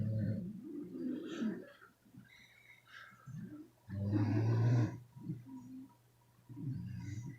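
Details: Sleeping beagles snoring: low, rumbling snores in a few irregular bursts with quiet pauses between, in a small room.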